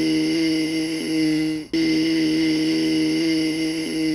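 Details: Adult male with a large hemorrhagic polyp on the left vocal fold dividing it into two vibrating segments; rough, breathy voice with double pitch (diplophonia) low in his range, consistent with a hemorrhagic vocal fold polyp.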